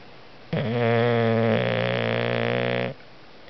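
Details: Snoring during a nap: one long, loud, buzzing snore lasting over two seconds, with a steady low rattle throughout.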